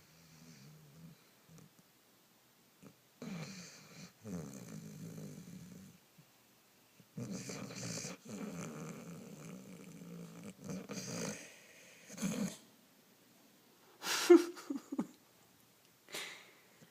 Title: Snoring